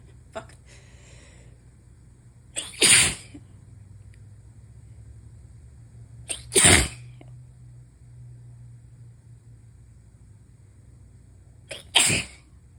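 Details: Person with a new cold, possibly recurring, not felt to be allergies: three loud sneezes, each preceded by a brief inhaled catch, a few seconds apart; sneezing fit.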